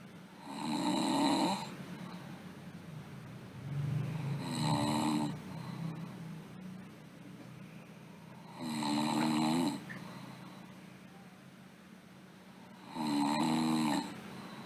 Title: Sleeping Girl Snoring